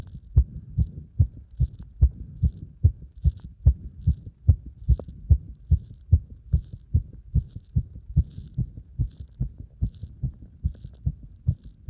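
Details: Heartbeat recorded with the chest pressed after squats, about 73 a minute with uneven spacing and varying loudness between beats; cardiac arrhythmia.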